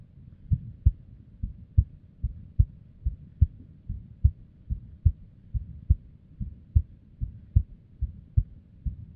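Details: Female's unstable resting heartbeat, recorded with simple equipment: low thumps near 73 a minute with uneven spacing and varying strength; irregular heartbeat with abnormal beats.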